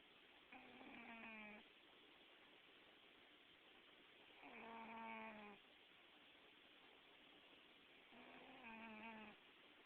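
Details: Cat snoring while dreaming, with paw movements: three soft, buzzing, voiced snores about four seconds apart, each about a second long, over a steady background hiss.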